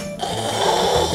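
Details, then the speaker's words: Throat snoring: a rough, strained, low snoring rumble on breathing in as the airway begins to narrow and air cannot get in properly. This is partial airway obstruction, described as a state of breathing difficulty. "소리가 나거든요. 이게 바로 목골이라고 불립니다. 호흡곤란 상태라고 볼 수 있습니다."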